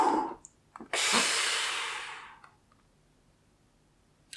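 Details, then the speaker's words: Pulmonologist demonstrating a Seretide Diskus demonstrator device: click of activation, then a strong, rushing, forceful deep inhalation of about 1.5 seconds, fading; correct dry-powder inhaler technique. "the powder won't get in deeply within the lungs and that won't help you at all so you really need to breathe in forcefully"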